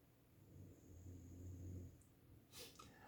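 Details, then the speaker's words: Sleeping English bulldog, a short-snouted breed prone to obstructed breathing, snoring often: soft, low rumbling snore on a breath. "Engleski buldozi su poznati po hrkanju, jer imaju tu kraću njušku i jednostavno disanje im je otežano,"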